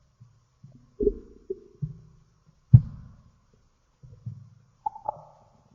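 Several low gurgling rumbles with short tonal groans in a quiet room; ordinary stomach growling (borborygmi), a normal bowel sound.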